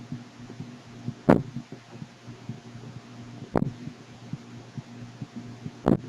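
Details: Infant hiccups: three sharp, abrupt hiccups about every two seconds over a steady low hum.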